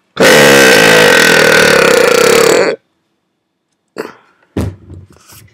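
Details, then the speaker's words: A person belching at about 5 a.m., burping for the first time in a while after a failed try with spit in the throat: one long, loud, steady belch over two seconds; burping. "So yeah. It's all about burping. That was a good one."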